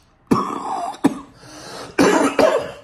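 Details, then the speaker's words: Adult man recovering from illness who was up about four hours overnight with nonstop coughing; four harsh, loud, rough, throaty cough bursts in quick succession. "I just couldn't stop coughing until about um yeah it was like 5 like 5: in the morning I was up till I was up for like 4 hours"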